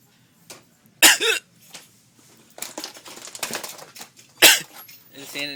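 Sharp hiccup-like catches followed by short coughs, with a few quieter bursts between them; hiccups triggering coughing.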